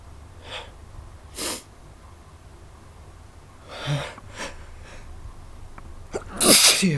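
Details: Several short, sharp sneezes in quiet room noise, the last one loudest; sneezing.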